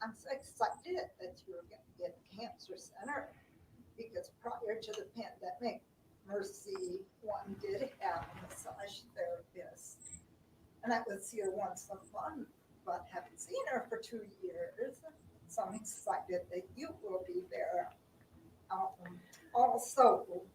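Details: Adult woman with spasmodic dysphonia who also has lymphedema; spasmodic dysphonia.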